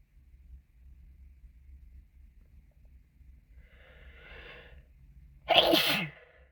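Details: Sneeze while sick with a cold, possibly induced: a quiet build-up breath, then a single sharp, explosive sneeze.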